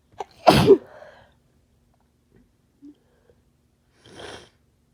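A loud, harsh sneeze followed by a softer second sneeze a few seconds later, in a quiet room; sneezing with a cold.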